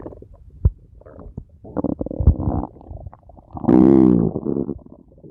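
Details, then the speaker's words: Abdominal auscultation in suspected ileus with distension: loud, frequent gurgles and a long rushing, tonal gurgle; intense, prolonged "struggle" sounds which, with pain, support mechanical ileus (obstruction), unlike abdominal silence of paralytic ileus. "bros de lucha que serían intensos prolongados acompañados de dolor reafirman la presencia de un hilo mecánico"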